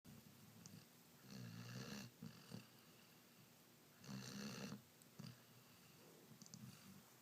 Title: Rhodesian Ridgeback Puppy Snoring